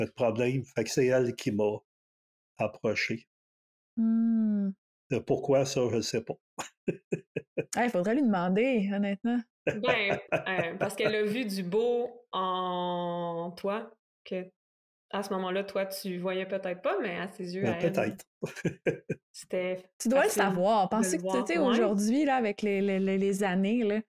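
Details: Stuttering in a French-speaking man in his thirties, speaking spontaneously.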